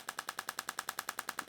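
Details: Radial shockwave therapy at 3 bar, to numb tissue, on a hand with Dupuytren's contracture (contracted pinky); rapid, evenly spaced sharp clicking pulses about ten per second from the radial shockwave device firing during hand treatment.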